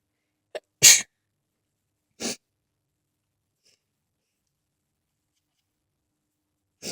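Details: Sneeze fit: a sharp inhaled catch followed by a loud explosive sneeze, then a second softer sneeze and the start of a third in a quiet room.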